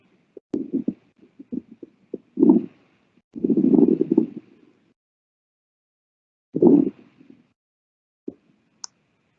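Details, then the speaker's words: Horse's abdomen auscultated while she eats dinner: frequent gurgling and rumbling gut sounds with occasional breaths, showing increased intestinal motility (borborygmi). "don't forget mary's in the middle of eating her dinner right now so her gi tract is really switched on and and doing its thing"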